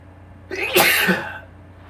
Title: Pepper Sneezes (m)